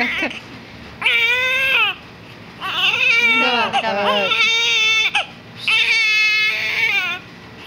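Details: Hungry infant crying: loud, rhythmic wails in bursts of about a second with short pauses, with adults talking in the background; infant hunger cry.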